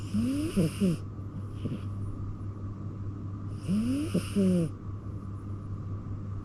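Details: Two loud, rough snoring breaths about three seconds apart from a cat sleeping in the owners' bedroom, with a steady low background hum; cat snoring.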